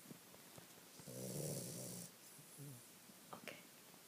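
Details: A dog snoring: one rough snoring breath with a softer snort after it, over steady background hiss.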